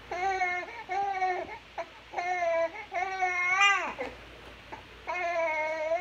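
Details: Infant crying: rhythmic, tonal short repeated wails with brief pauses between them.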